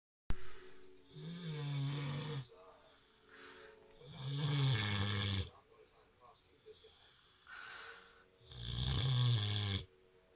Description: Our mini pig "Kinkku" snores when she sleeps.